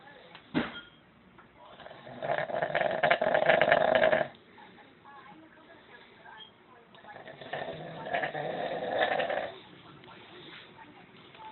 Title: The oddest snoring I've ever heard